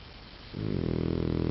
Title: chocola snoring